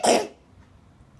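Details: A single short, sharp cough from a young child with a runny nose who is being taken to the doctor, followed by quiet.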